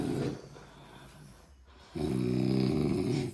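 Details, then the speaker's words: Young child copying his sleeping father's snoring: two rough, vibrating snore-like breaths; imitated snoring. "তো দেখো নকল করছে, ওর পাপা নাক ডাকানো কপি করছে।"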